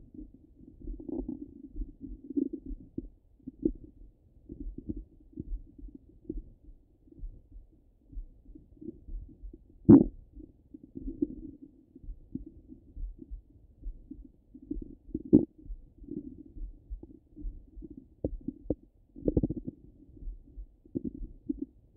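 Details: Stomach rumbling heard through a stethoscope over the belly: irregular low gurgles and rumbles with occasional louder squeaks; ordinary bowel sounds.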